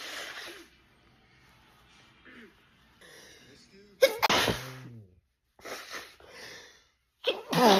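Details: Black woman with allergic rhinitis in a sneezing fit, in an edited 8½-minute loop: a burst of sharp, loud sneezes in quick succession with sniffing, snorts and brief talk.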